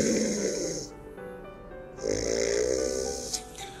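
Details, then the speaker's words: Snoring in a sleeper with a stuffy, blocked nose: two rough, hissy snoring breaths with a pause between. "If your nose is stuffy It sounds like this"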